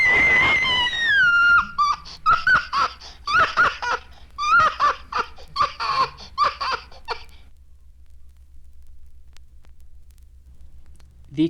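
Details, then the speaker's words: Cerebrally damaged infant (microcephaly): high-pitched cry. "Cerebrally damaged infants have long been known to have a high-pitched cry."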